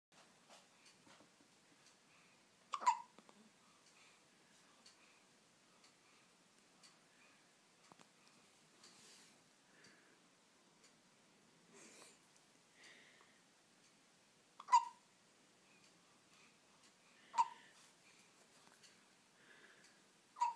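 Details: Sharp, brief hiccups at irregular intervals, four over about twenty seconds, against quiet room noise.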